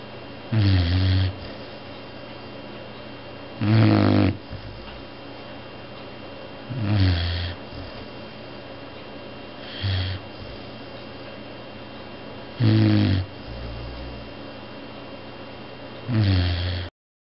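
Loud, low rattling snores on each breath in, about 19 a minute, with quiet pauses between: snoring.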